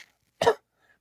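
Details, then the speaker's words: A single short, dry cough, a human imitation of the cough a dog with kennel cough (infectious tracheobronchitis) may give when pressure is applied to its throat. "because of the inflammation the irritation being caused by the kennel C that is one way to check"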